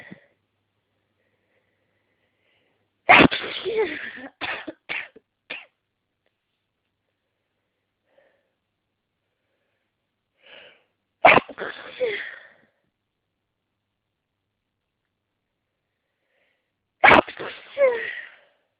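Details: Congested person who woke with itchy nose and watering eyes while trees bloom outside, trying to hold back sneezes: three forceful, explosive sneezes several seconds apart, each with a breathy lead-in, in a sneezing fit.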